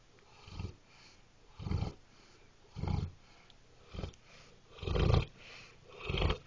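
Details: Loud snoring from a sleeping animal (Moxie): deep, rumbling snorts repeating about once a second.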